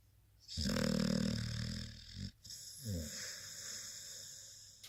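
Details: Sleeping, cuddling blue-nose pit bull dog snoring: loud rumbling snore on the in-breath, softer fluttering breath out.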